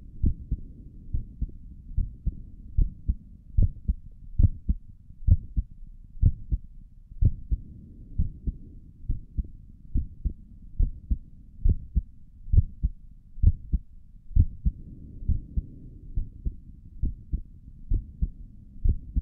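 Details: Own heartbeat recorded through a stethoscope on the chest for relaxing ASMR: steady soft lub-dub at about 67 beats a minute; stomach gurgles occur in the recording; normal heart sounds.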